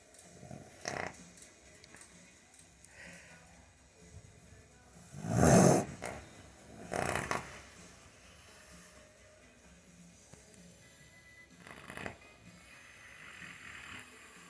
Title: Tired horse snoring #shorts